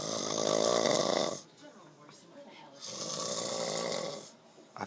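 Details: Person snoring asleep after a long hard day of working: two long, rough, rattling breaths with a fluttering buzz, separated by a quieter pause; loud snoring.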